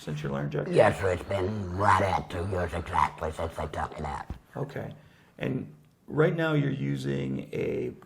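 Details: 75-year-old man, total laryngectomy about two years ago with radiation after tracheostomy, speaking with a Provox Vega voice prosthesis, extra HME cassette and Stabila base adhesive; tracheoesophageal speech after laryngectomy.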